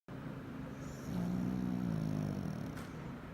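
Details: A single low, rumbling, drawn-out snore from a sleeping Pekingese.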